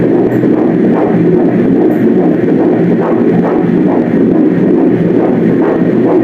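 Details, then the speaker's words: Early-pregnancy fetal heartbeat on ultrasound, second pregnancy: fast, rhythmic whooshing pulses at 139 beats per minute, described as fast as expected for early stages and normal within 120–160. "assim que é bem acelerado quero esperado mesmo para essas fases mais iniciais viu 139 batimentos por minuto tá ótimo"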